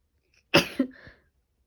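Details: Female with allergy sneezing since last night: a single sharp, explosive sneeze with a hissing burst of air and a brief voiced tail.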